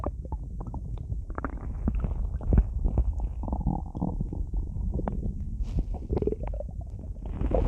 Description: i flooded my stomach with soda and laid down in bed, I didn't expect it to cause so many sounds... isn't that so cool.